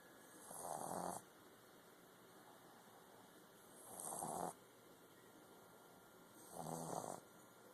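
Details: Boston terrier puppy snoring in sleep: three rasping snores about three seconds apart with quiet between, roughly 20 breaths a minute.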